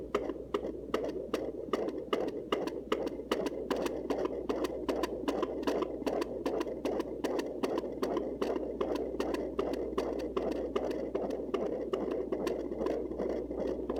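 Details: Rapid, regular whooshing fetal heartbeat at about 154 per minute, recorded at home with a Sonoline C fetal Doppler.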